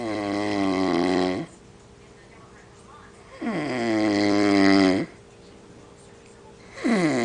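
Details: Person sleeping in Miami: loud, rattling, tonal snores on each in-breath with quiet out-breaths between, a few cycles in seven seconds; snoring.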